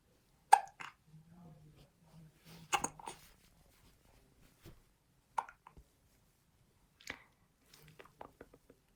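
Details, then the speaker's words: 11-week-old infant with hiccups: several short, abrupt hiccup sounds at irregular intervals with soft baby vocalizing in a quiet room. "Oh my goodness, you got the hiccups."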